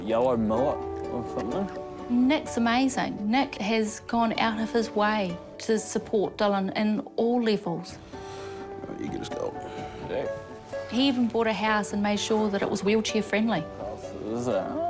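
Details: Adult narrator; ordinary speech.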